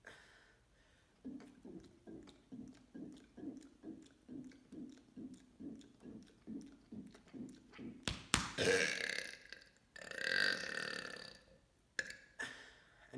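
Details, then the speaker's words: Man performing deliberate "mega burps": a long run of rapid, rhythmic, low croaking belches, then a couple of louder drawn-out burps; voluntary belching. "It's here. Today I'm going to be doing 15 mega burps."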